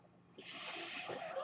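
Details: Mechanical ventilator noise heard during a podcast recording by its user; near-silence gives way to a sudden, steady rush of airy hiss as the ventilator delivers a breath.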